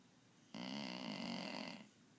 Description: My Pit mix rescue pup, Ray snoring after a hike at Zuma Canyon in Malibu😂